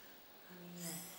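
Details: Breathy voice from unilateral left vocal cord paralysis.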